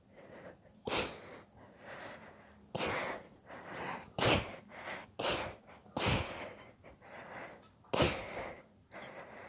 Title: Sneeze fit